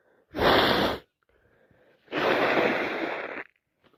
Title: Day 4 cold wet loud sneezes and blowing my nose so much